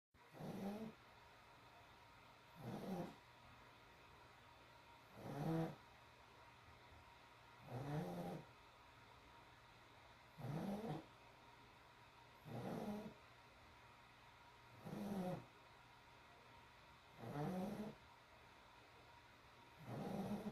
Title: Breathing problems or snoring 🤣